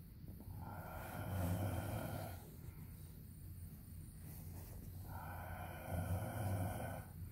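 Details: Deep, rumbling snoring on two drawn-out breaths, with a low fluttering vibration and a whistling edge, from the recorder's sleeping husband; snoring.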